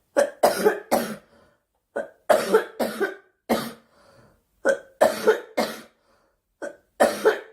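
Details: Girl on a live stream, saying she is sick, coughs in repeated sharp bursts: about a dozen coughs in short runs of two or three, with brief pauses between bouts; cough.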